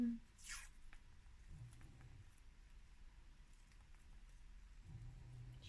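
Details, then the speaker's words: Two soft, low rumbling snores a few seconds apart from the owner's dog, lying at rest on a cooling mat, recently sick and having had an episode; snoring. "si vous entendez mon bébé ronflé il ronfle il est sur son petit tapis réfrégirant en dessous moi"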